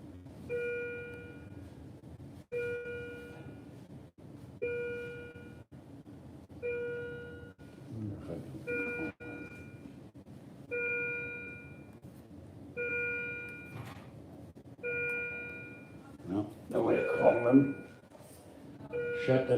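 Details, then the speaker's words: Heart monitor alarm in an emergency room: a repeating two-tone electronic chime about every two seconds, with faint room noise and a voice near the end, from a patient ill for several months with hot and cold flushes. "it's the heart monitor"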